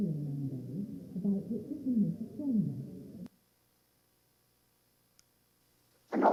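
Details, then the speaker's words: Simulated hearing loss: heavily muffled, indistinct speech reading "The North Wind and the Sun" with no crisp high sounds, then silence and a brief noise burst. "hese hearing loss simulations on them you will have heard a few of these already but it's interesting just to listen sequentially to a few of these interesting synthesizations of what it sounds like to be deaf"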